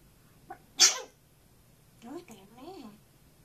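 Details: A camera-shy African grey parrot sneezing after trying to sing: a short, sharp, hissing sneeze followed by soft chattering vocal sounds.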